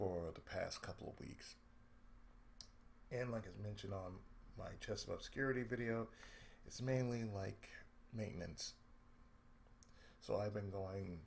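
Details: Adult man with cerebral palsy, a daily lifelong condition with speech problems since childhood; reports an occasional lisp, mid-sentence breaks and pauses, and a drawl; speech affected by cerebral palsy.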